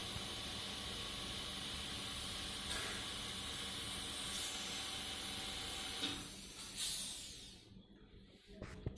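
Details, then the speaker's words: Simulated nasal suctioning in a nursing skills lab: catheter inserted about 10 cm into the nose, then rotated while withdrawn with the port covered, pedal-operated machine. Steady loud suction hiss shifts in pitch as the catheter moves, then stops. "dan lubang kami ditutup untuk melakukan proses action sambil kita melakukan menginjakkan pedal sehingga Mesir saja bekerja"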